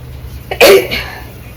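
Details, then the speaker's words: A brief catch of breath, then one sharp explosive burst of air that fades quickly; a single sneeze, strong enough to dislodge the sneezer's bindi, in a sneezing and nose-blowing challenge. "मेरा बिंदी खुल गया, छींकने से। देखिए बिंदी जो पहनी थी वो खुल गया।"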